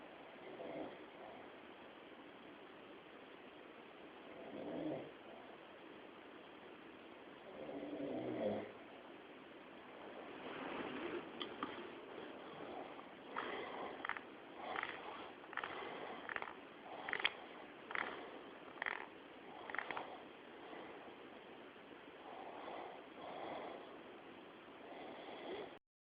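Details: Sleep bruxism (teeth grinding) recorded by his wife while he slept, man later saw a dentist: soft sleep breathing, then sharp, gritty scraping bursts.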